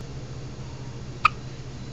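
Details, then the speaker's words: A single short, sharp hiccup from a dog against quiet room hum, recorded January 2009. "hiccups do you got the hics do you got the hiccups"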